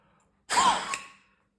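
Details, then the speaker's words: Peak flow meter used for asthma self-monitoring, with three blows morning and evening and the maximum recorded: one sharp, forceful, maximal exhalation lasting under a second. "за допомогою цього прибора ми вже з вами навчилися дихати три рази вранці три рази ввечері і брати максимальний показник як той показник який нас цікавить"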